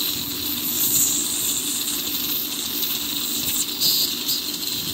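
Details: Dentist performing teeth scaling and polishing on a patient: constant high-pitched hiss and whine with water spray; dental scaling and polishing instruments.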